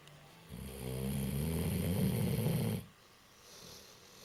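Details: A 15-year-old dog snoring: a single long, low, rattling snore on the in-breath, fading into quiet breathing.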